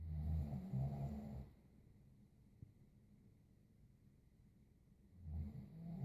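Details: Low, rattling snores on inspiration, about 4 seconds apart with quiet between, in a roughly regular pattern; ordinary snoring.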